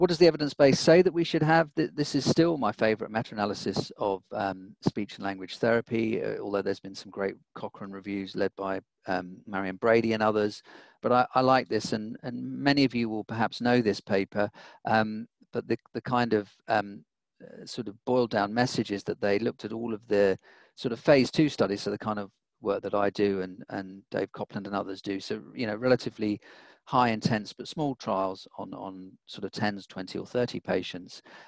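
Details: Adult male speaker giving a lecture; normal fluent speech.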